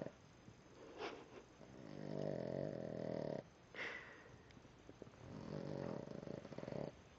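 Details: Sleeping Boston Terrier snoring: two long, rattling snores, each followed by a quick snorting breath, about every four seconds.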